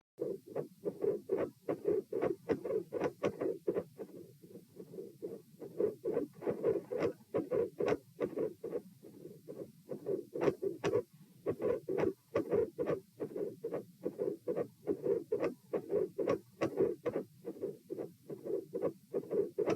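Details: Heart auscultation at position P during a postural stress test (lie, sit, stand, lie; 72 bpm supine, 84 sitting, 108 standing, 72 supine): mid-systolic clicks with split S2.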